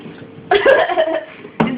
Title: Coughing a cinnamon cloud